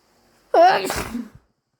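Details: Possibly allergy-induced: a single sharp, wet sneeze with a voiced onset and a spraying release; sneezing.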